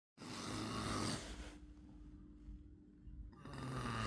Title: ultimate snoring sound part 3(1)